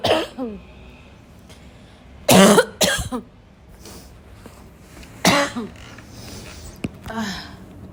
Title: my intense barking cough is back, hope you enjoy